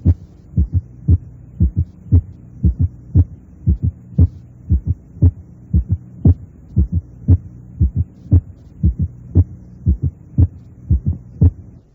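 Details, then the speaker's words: Teaching recording: regular heart sounds near 58 a minute in atrioventricular conduction delay with a prolonged PR interval; an audible atrial sound precedes a weak first heart sound and may be mistaken for it. "Si existe un retardo en la conducción aurículo-ventricular con un intervalo PR prolongado, puede auscultarse un ruido auricular y el primer ruido cardíaco es débil."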